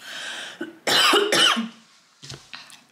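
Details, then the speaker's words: Coughing from an adult who says they cannot stop coughing; cough. "fais que tousser, donc je coupe à chaque fois, mais écoutez-moi, c'est tellement chiant, j'en peux plus."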